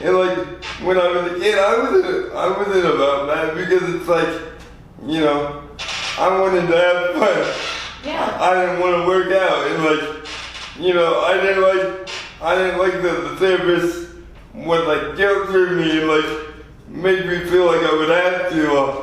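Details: 24-year-old man with lifelong spastic quadriplegic cerebral palsy from premature birth at 2 lb 4 oz; dysarthria (cerebral palsy).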